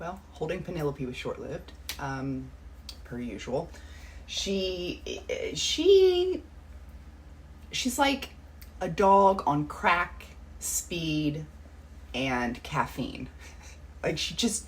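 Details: Adult woman who has stuttered all her life, severe in childhood with years of speech therapy through elementary school, milder now; difficulty with TH, J, SQ sounds and tension blocks, worse when anxious; stuttering.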